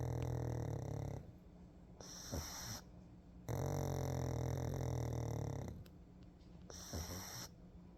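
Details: A Pug relaxing in the sun snores: two long, low, rumbling snores alternate with quieter breaths, about four breath sounds over eight seconds.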